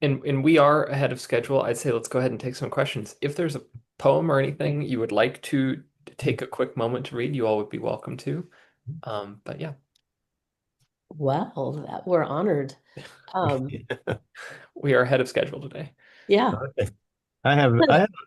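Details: Adult man speaking at a meeting; Normal speech.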